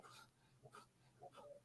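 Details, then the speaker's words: Quiet, rough snoring from a sleeping pug, heard faintly over room noise during a live stream: snoring. "you hear my pug snoring i should mute myself"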